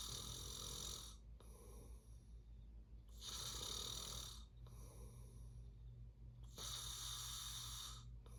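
Loud rough hissing snores about every two to three seconds, with quieter breaths between; steady snoring during sleep over low room hum.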